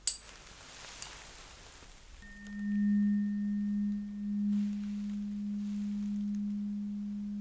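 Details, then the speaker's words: Weber test in a simulated roleplay cranial nerve exam: a struck tuning fork placed mid-forehead gives a steady low hum that slowly fades. "now there is another test where test when I have to put this thing the same T fork in the middle of your forehead you know somewhere there yeah okay so are ready it's pretty much the same but you will just tell me where exactly you can hear the sound okay"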